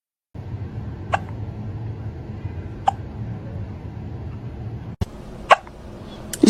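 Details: Cat with hiccups; the owner asks whether it ate its food too fast. Several brief, sharp hiccup sounds at irregular intervals over steady low room noise.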